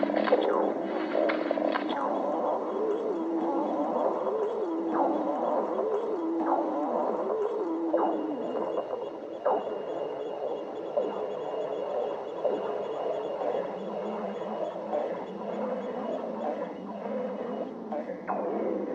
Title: stomach growling